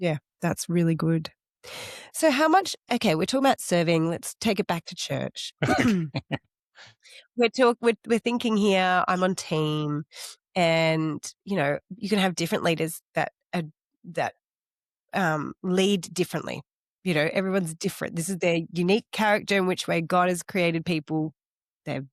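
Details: Adult speaker; normal speech.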